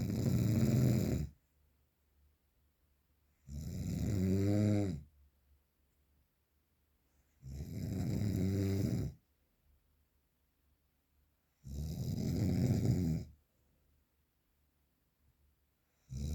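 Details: Real, unprocessed recording of very strong snoring: loud, harsh, rattling snores on each breath in, about 15 a minute, with silent pauses between them.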